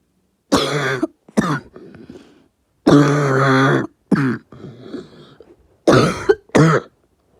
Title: New cough